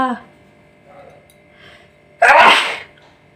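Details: Sneezing challenge: a brief vocal sound, a quiet lead-in, then one loud, explosive sneeze burst in a quiet room.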